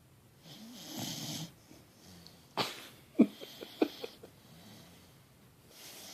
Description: Great Dane mix puppy deep asleep and sawing logs